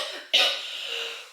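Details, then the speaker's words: A single short, sharp cough from an adult woman, with a bright burst and brief tail, from a tickling sensation in the throat. "alors là je sais pas si vous avez ça parfois comme une espèce de points car il dans la gorge c'est horrible"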